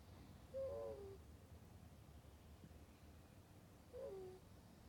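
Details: Sleeping ferret snoring: two soft, squeaky whistling tones about three seconds apart over quiet room hum.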